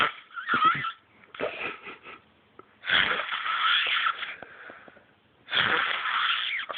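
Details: Snoring during sleep: harsh, hissy breathing with long rasping stretches and short breaks.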